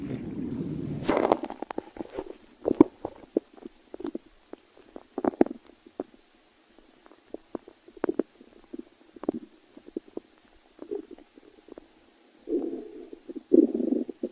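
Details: Stomach growling: irregular low gurgles, pops and rumbles from the belly as gas and fluid move through the gut; borborygmi.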